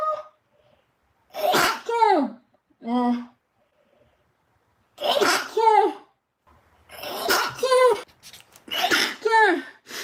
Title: Cute Japanese Girl stifled sneezing ( i'm back ~ )